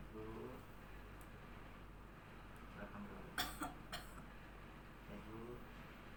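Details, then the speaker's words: Simulated nurse-training role-play of deep breathing and effective cough: patient breathes in through the nose, holds, then gives two to four deliberate coughs in a row in a quiet room. "Baik Ibu, selanjutnya tahan nafas Bu dari hidung, lalu tutup mulutnya, situ keluarkan, batukan 2 kali, terus 3 kali sampai 4 kali berturut-turut Bu."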